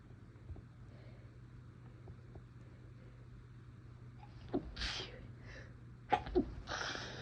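A quiet stretch, then a few hitching in-breaths and two or three sneezes, one partly stifled, over steady background hum.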